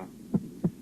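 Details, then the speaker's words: Normal heart sounds auscultated at the heart base in an educational film on heart auscultation: a pair of low thumps where, as normal at the base, the second sound is louder than the first. "первый тон 2 1 тон 2 в норме у основания сердца второй тон громче 1"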